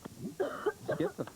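A quick run of several short, voiced adult coughs close together; an acted cough for a television advertisement.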